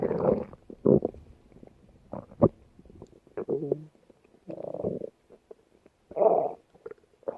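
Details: Bursts of gurgling and rumbling from the belly with short quiet gaps; stomach growling (borborygmi).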